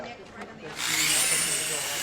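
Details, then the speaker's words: Quiet room, then a loud steady high grinding drill: a 1-inch burr hole bored with a cranial (IO) drill to relieve raised intracranial pressure from bleeding in the skull, optic nerve sheath 10 mm; scene from a TV medical drama. "Yeah, he needs a a 1 in uh bur hole in his with a cranial drill."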